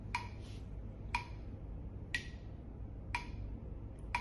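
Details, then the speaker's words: Metronome app at one beat per second (60/min), pacing 10 repeated pinprick stimuli from a calibrated pinprick stimulator during sensory testing of mechanical pain sensitivity, participant rating each 0–10: sharp even clicks over low room hum. "using a metronome to keep time setting of 10 beats one beat per second. So I will start the metronome app, apply the first stimulation and you can rate it out of zero to 10."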